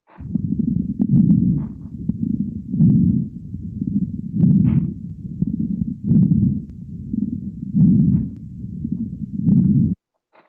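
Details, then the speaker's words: Fine crackles (rales), fine-bubble crepitant rales heard at the lung base at the end of inspiration, with rhythmic breath sounds and brief fine popping near end-inspiration; played in a syncope clinical-cases teaching session. "escucharon en la inspiración y en la inspiración al final de la inspiración van a escuchar estertores de burbuja fina"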